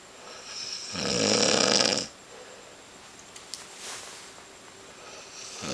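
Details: Snoring in sleep: one loud, rattling in-breath, then quiet breathing out; a single snore.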